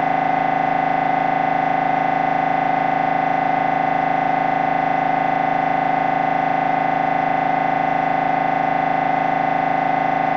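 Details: Loud, steady, rapid mechanical buzzing with fast regular pulsing: MRI scanner noise during a brain scan sequence.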